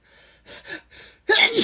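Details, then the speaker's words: Adult male sneezing, saying a sudden weather change makes him extra sensitive: a few quick, breathy in-breaths build into the start of a loud, forceful sneeze. "excuse me i love when i hit that sweet spot okay come some more thank you bless me"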